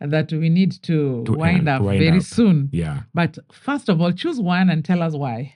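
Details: Adult man; normal speech.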